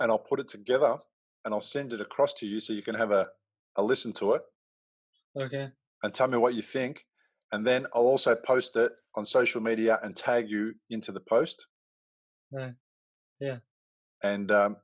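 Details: Adult man speaking; normal speech.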